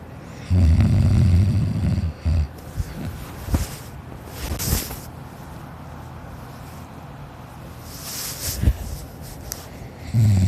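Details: Child asleep, recorded as a kid, snoring loudly: a loud, low rattling snore, then quieter breathing with brief snorts and another snore; snoring.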